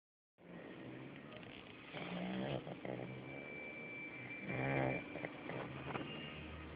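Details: Staffordshire puppy, 8 weeks old, sleeping: rough, rattling snoring breaths over steady background noise.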